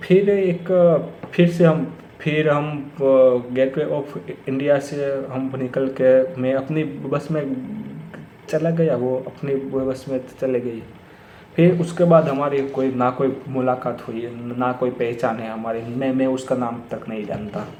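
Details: Stuttering in an adult man who has stammered for many years.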